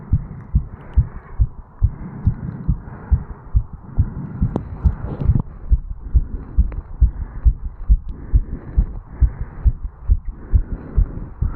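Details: 35-year-old male, standing still after jogging up stairs, recorded at the mitral (bicuspid) valve area: fast, regular heartbeat at roughly 130 a minute with rustling movement noise; tachycardia after exercise.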